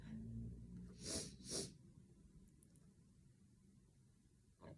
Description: I have a bad sneezing cold and I have a lot more recording to share…ahCHOO!!!